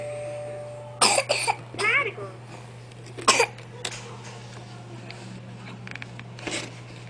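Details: Child (Josué) playing and coughing: a few short coughs between playful vocal sounds, with a steady hum in the room.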